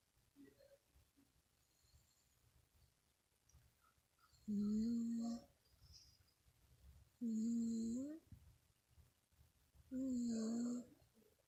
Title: Cat snoring